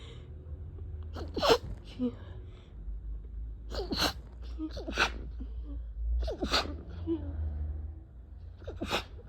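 Four sharp sneeze bursts, each with a quick inhaled lead-in and a harsh, partly stifled release, over low room hum.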